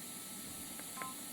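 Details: Fresenius Kabi VP7s infusion pump in training demonstration while navigating menu, bolus and system settings: two short electronic keypad beeps, quiet room noise behind.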